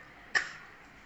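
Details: Infant pretending to cough: a single short, soft cough-like burst in a quiet room; an imitated cough.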